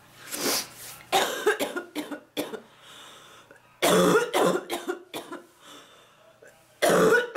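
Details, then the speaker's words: Woman, sick, coughing while cleaning kitchen, ticklish cough with stuck phlegm, coughed up blood, feels dizzy: repeated harsh effortful coughs, about ten in three bouts with brief pauses; coughing fit trying to clear phlegm. "this is just like an annoying ticklish annoying cough at least at night it's more productive today it's just sitting and it won't move"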